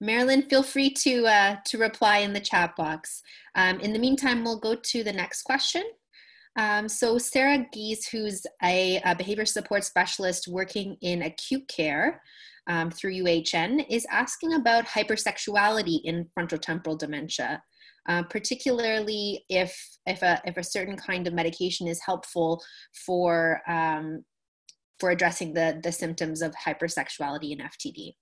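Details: Adult woman speaking; normal speech.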